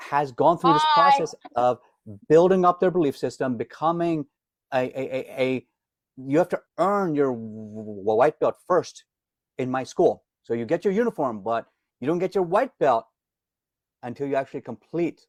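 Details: Adult man, self-described lifelong stutterer, reports daily disfluency, can hide it when singing as a classically trained opera singer; word repetitions heard; stuttering.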